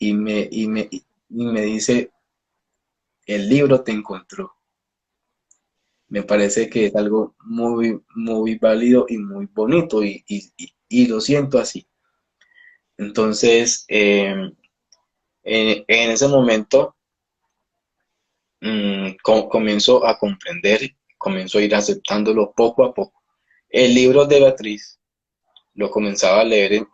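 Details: Adult male Spanish-speaking speech-language pathologist who stutters, speaking in a live interview; stuttering.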